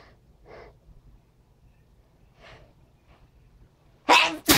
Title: Still SneezinG